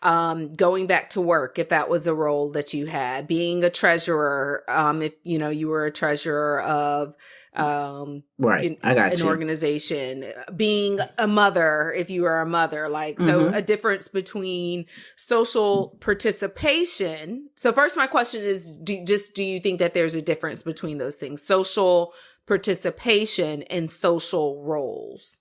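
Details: Adult woman speaking; typical speech.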